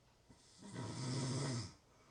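One low, rattling snore on an in-breath, about a second long, from a sleeping adult.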